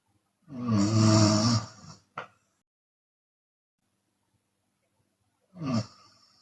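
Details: Chinese woman snoring with her mouth open, sometimes on exhale: a loud, harsh rattling snore followed by a brief snort, a long silent pause, then the next snore beginning.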